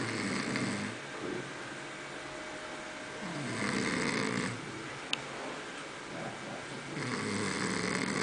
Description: Well, it is about my friend's snoring. He thinks that he doesnt snore!